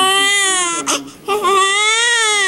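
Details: Newborn daughter just after unmedicated natural vaginal delivery without epidural in hospital: loud, strong crying with a brief breath pause; vigorous newborn cry.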